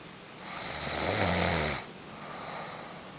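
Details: Snoring: a single loud, buzzing, whistly snore on an in-breath, then quiet breathing.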